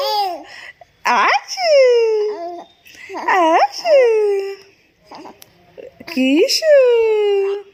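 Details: Almost 2-month-old baby: drawn-out, sliding vowel coos and squeals with pauses between; normal early cooing and vocal play; infant cooing.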